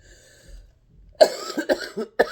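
Quiet start, then a short run of three or four dry, harsh coughs in quick succession from an adult.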